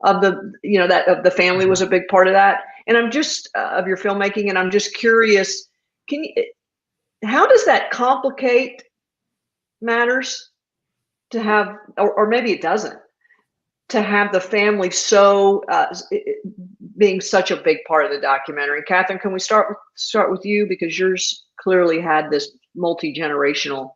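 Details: Adult woman speaking; typical speech.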